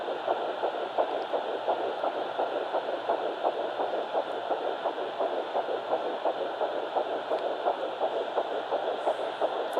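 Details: Home fetal Doppler at 9 weeks 6 days, Baby A, found on the left side after days of searching. Steady whooshing pulses over constant hiss at about 86 a minute, low for a fetal heart, possibly maternal pulse.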